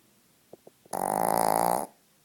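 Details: Snoring loudly again: a few faint clicks, then one loud, buzzing, vibrating snort lasting about a second.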